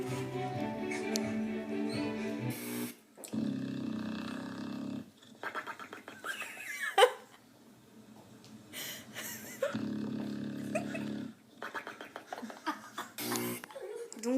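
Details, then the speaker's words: A dog snores unusually, with long humming, tonal breaths alternating with rattling, snorting bursts. "aujourd'hui je vais vous montrer une vidéo d'un chien qui ronfle très bizarrement donc si ça vous intéresse c'est parti"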